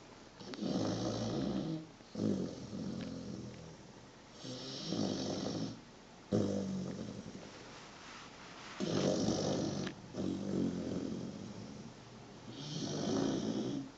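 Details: Steady, soft, rumbling snores on each breath, about 15 a minute, from Belka, a 123-day-old 23 kg puppy asleep on someone's foot: snoring.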